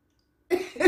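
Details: Adult in a reaction video about a "coughing Karen" gives one short, forced cough after silence: a deliberate, put-on cough, not driven by illness.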